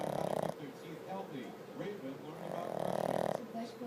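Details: Snoring in a sleeping female pug that won't wake even for a treat and snores with her eyes open: buzzing, fluttering snores with low talk in the background.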